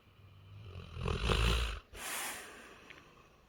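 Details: Snoring from a sleeping Labrador dog: a loud, fluttering, rumbling breath followed by a softer hissing exhale.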